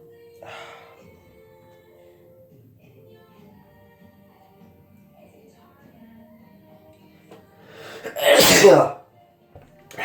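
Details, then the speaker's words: A sneeze deliberately induced as part of a sneezing challenge: one loud, explosive sneeze in a quiet room with faint background music. "hey guys mr. Hikawa here and I'm doing another sneezing challenge"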